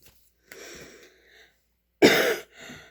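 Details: An adult gives a few soft throat-clearing noises, then a single sharp cough and a brief settling clear during speech.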